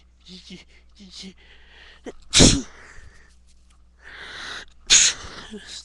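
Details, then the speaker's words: Person sneezing after loose dog hair tickled their nose: two loud, explosive sneezes with quiet talk and breathing between them. "Don't care. So it's making me sneeze."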